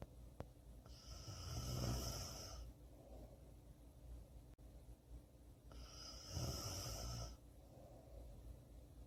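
Two long, rough rumbling snores with a hissy edge, roughly 13 breaths a minute, with quiet pauses between; sound-effect snoring.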